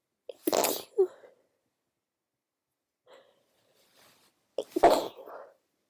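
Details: Sleepy female with a cold gives two sharp, explosive sneezes a few seconds apart, each with a brief inhaled lead-in and a soft trailing voice; sneezing.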